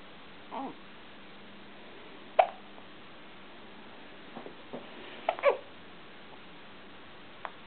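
Brief, abrupt catches recurring irregularly, several close together, against steady room hiss. Hiccups.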